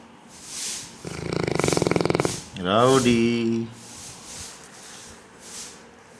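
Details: Neapolitan mastiff snoring in sleep: rattling, fluttering in-breath followed by a groaning sigh on the out-breath.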